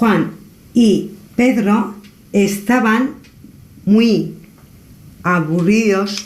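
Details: Adult woman with aphasia after brain damage, reading a short paragraph aloud during a language therapist's evaluation; the clinician notes fluent speech with partial comprehension, word-finding difficulty and agrammatism.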